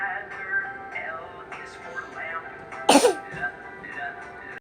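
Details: A single sharp, explosive cough stands out over steady background music.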